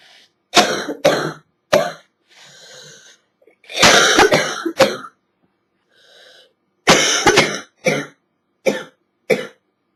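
Repeated harsh, loose coughs in short bursts of two or three, with gasping breaths between; a wet hacking cough from a chest cold.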